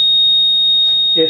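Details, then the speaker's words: Steady high-pitched electronic alarm tone: the audible alarm sound check during a pre-use check of a Dräger Evita XL ventilator connected to a test lung. "auto bull alarm sound check confirm with yes even quickly so you don't drive people crazy"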